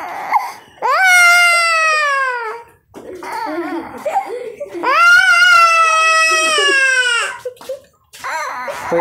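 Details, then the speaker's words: Young child in hospital crying loudly, high-pitched, in two long wailing bursts with gasping breaths between, while being held for a hip injection; distressed infant crying. "पे आप देख सकते हैं इस प्रकार से य जो है चिल्ला रहा है"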